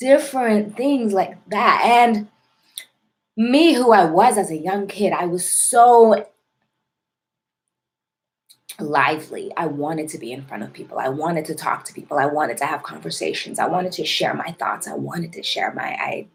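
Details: Adult woman with a self-described severe, overt stutter involving heavy blocking, present since childhood and ongoing; stuttering.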